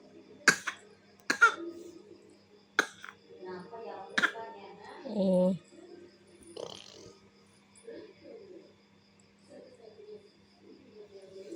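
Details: An infant, likely a baby girl, gives about four sharp coughs with fussy noises and a low background hum, coughing after nighttime motorbike rides.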